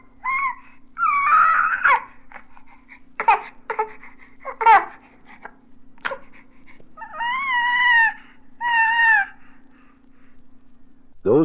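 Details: Infant cooing, from a 1967 recording of baby sounds.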